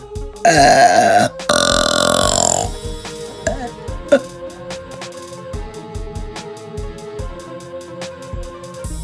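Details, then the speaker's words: Girl (female) making loud, rough, drawn-out burps, two long belches, music in background; burping. "There's more in there, it's just not coming out. Gross. Cheers. Let me try. I'm just better at longer burps, I guess."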